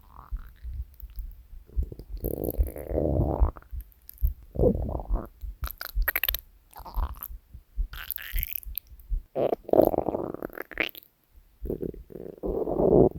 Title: Three Years of Hungry Stomach Growls!